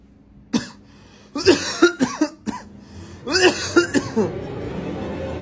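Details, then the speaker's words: An adult son gives a single acted cough, then two bouts of harsh, voiced coughing and throat clearing; he tells his mother he is not sick, just clearing his throat; faint background noise. "Sen hasta mı oldun? >> Yok anne ya hasta değilim. Boğazımı temizleyeyim."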